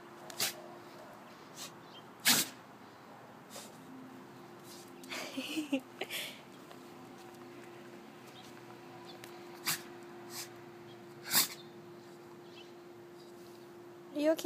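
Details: Jindo dog named Choco giving several short, sharp sneezes with quiet gaps between them over a steady room hum.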